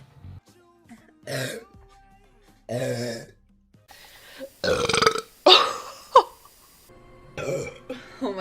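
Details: Compilation of female Twitch streamers burping: several loud, drawn-out belches from different people over background music.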